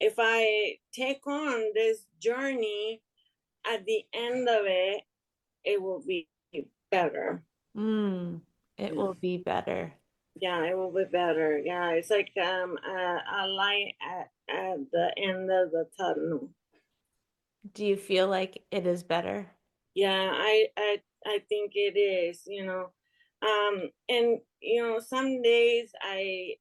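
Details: Woman with aphasia after an ischemic stroke in March 2020 that left her unable to speak; speech improved but slower, with word-finding pauses; aphasia.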